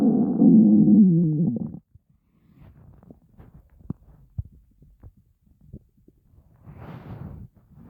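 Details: Growling stomach of a starving person after going without food for an unremembered length of time: a loud, low, drawn-out gurgling growl, then soft scattered bubbling and clicking.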